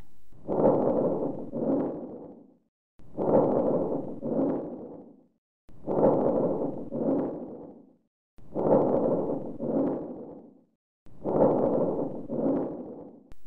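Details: Teaching-cassette recording of breath sounds: five loud, coarse breath cycles with rough inspiration and an audible expiratory phase: harsh vesicular breath sounds.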